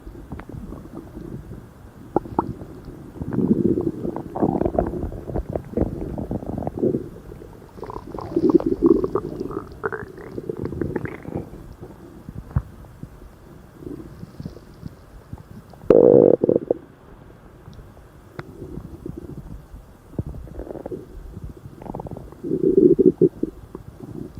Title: stomach growling super loud and crazily